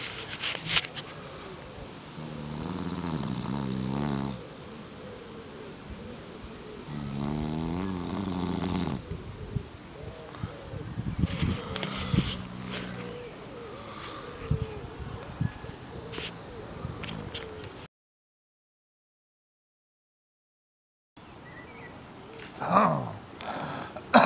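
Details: A sleeping pet dozing outdoors in a park on a summer day gives slow, rumbling snores with long pauses between them, against light outdoor noise.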